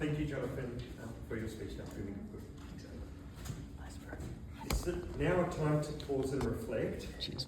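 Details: Adult man; typical speech.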